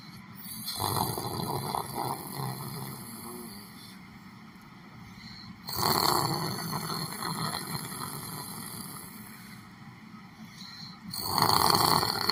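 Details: Snoring while sitting down asleep: rough, noisy snores recurring about every five seconds, roughly 11 breaths a minute, over a steady room hum.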